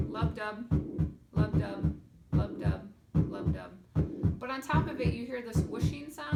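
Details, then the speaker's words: Simulated heart murmur on a SAMII simulator, heartbeat about 74 a minute with a whooshing sound over the beats, indicating valve problem with mixed blood flow. "sound so that's indicating our murmur so something with the valves isn't working and we have a mixture of blood flow"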